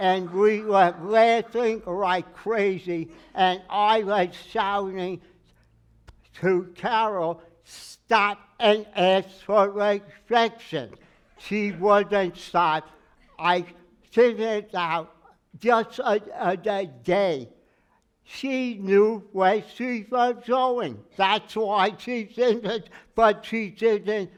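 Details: Aphasia in a man with word-finding difficulty, treated by a speech therapist who had him sing; he says it took 3 years to be able to talk.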